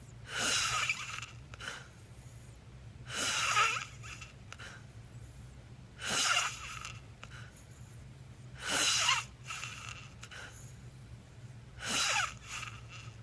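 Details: Snoring in a person asleep with sleep apnea: loud, hissing, snorting breaths about 22 a minute over a steady background hum.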